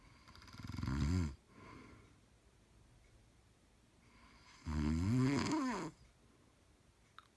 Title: snoring 3